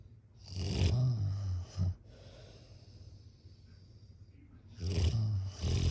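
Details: Loud, low, rattling snores on each in-breath, separated by quieter exhalations, at about 14 breaths a minute: snoring.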